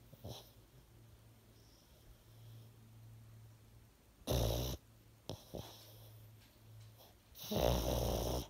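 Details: A pug snoring during sleep: quiet, low humming breaths broken by two loud, harsh snorting snores a few seconds apart.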